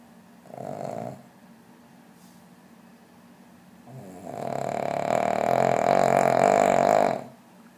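A short snort, then a long, loud, fluttering snore on one breath; dog snoring.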